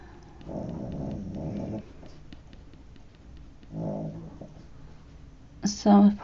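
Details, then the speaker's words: Two soft, rough, low snoring breaths from a contented sleeping pet dog in a quiet studio room, then a brief noise; ordinary dog snoring. "Sorry if you can hear my dog snoring. That's Maisie. One contented dog."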